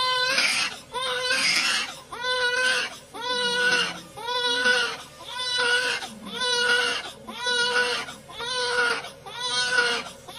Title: This newborn with fetal fat on his face is crying for the first time, it's so cute